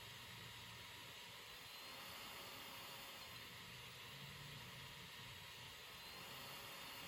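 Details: Travel CPAP machine running, recorded close up: steady airy blowing hum with no breath cycles.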